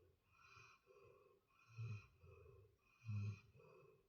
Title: 코를 골며 자는 라몽 Ramong sleeping while snoring